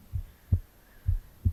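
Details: Normal heart sounds recorded from the left side of a person's chest while they read aloud: steady, regular low paired thumps at about 60–65 a minute, no extra sounds.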